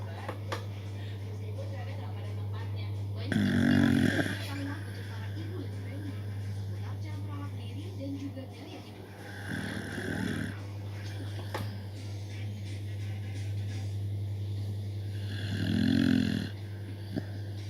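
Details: Sleeping beagle snoring: three rough snores about six seconds apart over a steady background hum.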